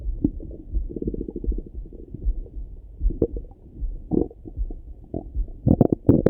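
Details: Morning stomach rumbling through a stethoscope: bubbling, gurgling rumbles with short rapid runs of pops; ordinary active bowel sounds (borborygmi).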